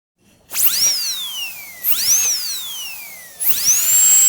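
High-pitched whine of a dental drill, rising and falling in pitch over three bursts, from a sound-effect recording.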